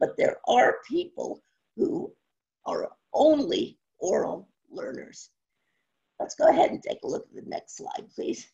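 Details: Adult woman with spasmodic dysphonia, no cure, onset around 2010 and progressively worsening; awaiting a postponed Botox injection; scratchy voice; spasmodic dysphonia.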